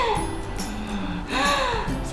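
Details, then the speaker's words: An examiner, during a physical exam of a mother, voices a brief whistling, gasping breath imitating an asthma-like wheeze on inspiration and expiration, over background music; simulated, not a real patient sound. "Apakah ada suara stridor atau mengorok yang kedua yang kita lihat apakah ada mengitu seperti pasien asma saat inspirasi dan ekspirasi misalnya bunyinya"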